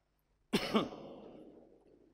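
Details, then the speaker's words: Single short cough-like throat clearing from an adult man with a hoarse voice after leading dawn prayer, faint room echo afterward. "Mohon maaf suara saya ini tadi subuh udah suara serak disuruh jadi imam."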